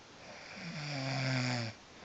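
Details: Single loud, droning snore on breathing in that stops abruptly; ordinary snoring that keeps the person recording from sleeping.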